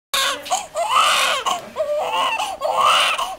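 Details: Baby boy only a few minutes old: loud, rhythmic wailing bursts with brief catches of breath between; vigorous newborn cry.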